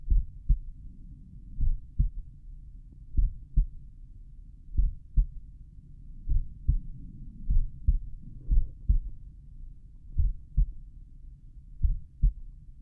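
Slowed stethoscope recording of an adult heartbeat: deep, regular paired thumps, drawn out by the reduced playback speed.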